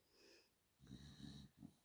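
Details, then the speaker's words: Dog named Nina snoring in the background: quiet rumbling, snorting breaths while asleep; snoring. "Day number 18 is this long one here. I'm going to talk up so you can hear me past Nina snoring."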